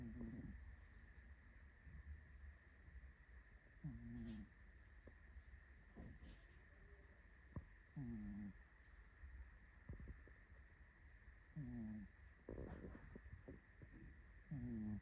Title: Simba, a tired cat who snores #cute #cat #animals